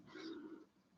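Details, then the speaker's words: Snoring, heard in the background of a quiet room. "having a snore, is our."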